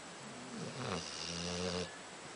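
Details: 9-month-old Pitbull asleep: a single long, low, buzzing snore over steady background hiss; snoring.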